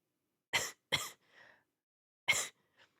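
Three harsh cough bursts with a soft breathy exhalation between, sounding wet and phlegmy: a lingering productive cough following a viral illness.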